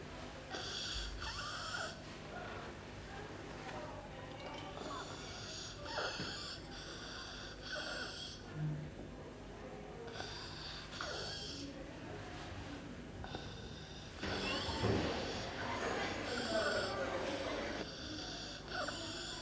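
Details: Child aged 2 months to 5 years with stridor: a harsh, high noise on each breath in, repeating regularly, from a narrowed upper airway; IMCI training video.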